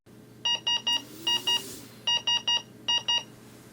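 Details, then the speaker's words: Breas Vivo 65 ventilator high priority alarm: bursts of three beeps followed by two more, with the sequence repeating after a pause; an urgent alarm pattern. "secondly you would hear an audible alarm a high priority alarm is denoted by three signals followed by two more"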